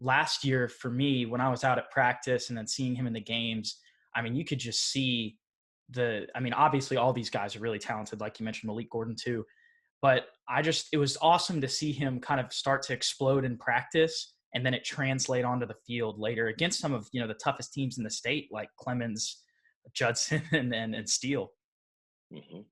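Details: Adult male speaker; typical speech.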